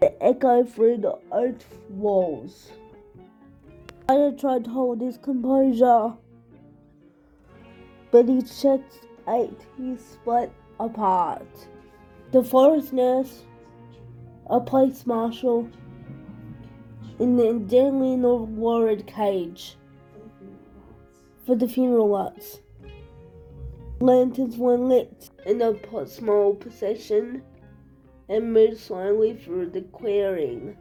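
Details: Speaker with cerebral palsy reading a story aloud; no specific speech disorder is stated; speech in cerebral palsy.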